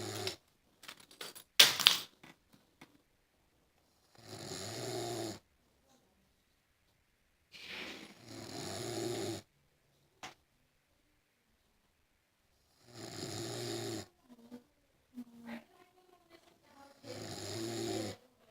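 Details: Snoring: breathy, rattling snores about every four seconds, around 15 a minute, with clicks and rustling at the start.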